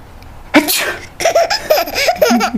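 One quick sneeze followed by bursts of giggling laughter; an ordinary sneeze.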